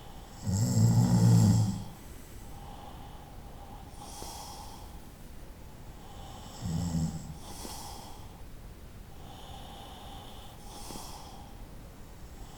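A loud low snore, a softer one later, and faint whistling breaths between them: night-time snoring.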